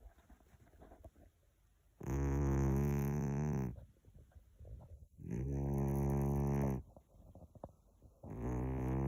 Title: Snore cat